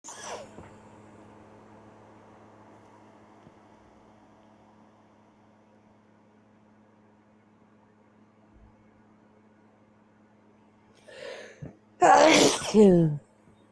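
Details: Nighttime sneezing keeping person awake: quiet hum, then a sharp inhale and one loud explosive sneeze; person annoyed at repeated sneezes.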